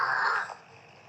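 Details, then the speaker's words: A man snoring in sleep, recorded by his wife as proof; he says he snores when lying on his back; snoring. "कळलं मी proof ठेवला ऐक घोरण पण बघ किती विचित्र"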